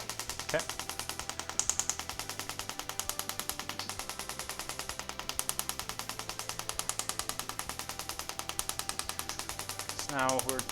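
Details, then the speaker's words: Female patient with tennis elbow (lateral epicondylitis) still painful after conservative care, tenderness 7/10 at the epicondyle: rapid, steady clicking pulses, about three a second, as radial shockwave therapy begins with ultrasound gel. "okay so now we're gonna start the shock wave treatment we're gonna use a little bit of ultrasound gel"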